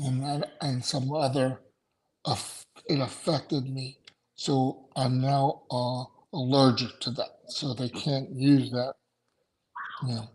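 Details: Adult male stroke survivor with aphasia after two strokes in November 2017; right-sided weakness, unusable right hand without feeling, short-term memory problems, 10 seizures since the stroke; aphasia.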